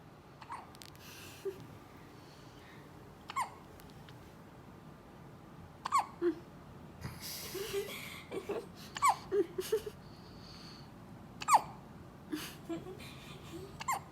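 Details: Short, sharp, repeated catching sounds at irregular one-to-three-second intervals, with soft breathing and faint whimpers between them; hiccups.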